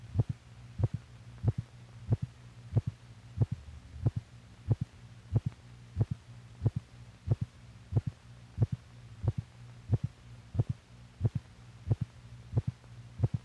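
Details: Heartbeat recording from an old film, possibly 1950s, made for doctors to correlate the heart's physical motion with its sound: regular low thumps about 90/min over a steady hum; normal heart sounds.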